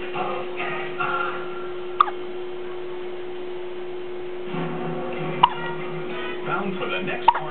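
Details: Three short, sharp hiccups spaced a few seconds apart from a little child after eating, with a television playing music and talk in the background.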